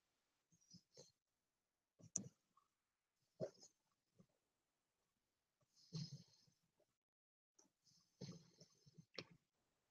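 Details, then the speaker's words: Short, irregular snoring breaths with a hissy nasal edge every one to two seconds in a quiet room, from a sleeping 37.5-pound dog, supposedly a red Boston terrier, probably mixed. "can you hear him snoring"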